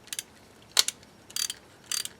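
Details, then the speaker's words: Sharp metallic ratcheting clicks in short bursts as a ratchet with square driver tightens a 2 mm SATURNO narrow diameter implant in an upper maxillary arch demonstration, lingual hole kept straight to improve angulation. "I can then place it corresponding to my 2 mm insert and then just start ratcheting it down verifying that my lingual hole is straight on the lingual"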